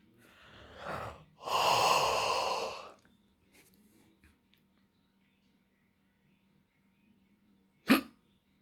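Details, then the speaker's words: Person counting out ten hiccups: a long breathy exhale, a quiet pause, then one sharp, abrupt hiccup near the end. "I have hiccups. 1. I'm going to do 10 hiccups."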